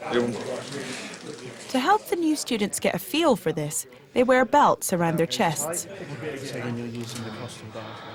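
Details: Adult narrator; fluent speech.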